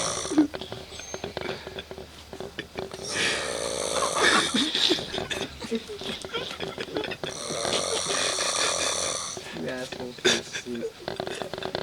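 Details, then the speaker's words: Heavy, loud snoring from a man in deep sleep who cannot be woken and keeps the Marines awake all night; compared to a hibernating bear, and nose hair is noted; snoring. "listen to that bear in hibernation it's like a water buffalo spawning it's like an Elephant Man it's like two donkeys making love"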